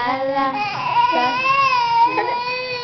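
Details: A 2-year-old girl cries in one long, high-pitched, sustained wail with slight rises and falls in pitch.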